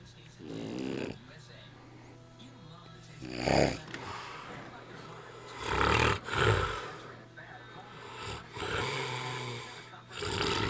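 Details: Adult man snoring continuously for an hour, worsening; loud, rough snoring with irregular snorts about 20 times a minute.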